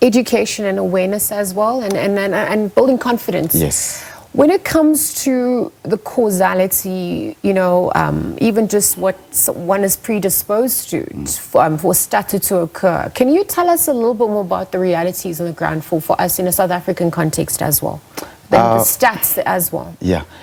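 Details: Adult woman interviewer with brief replies from another adult; ordinary conversational speech.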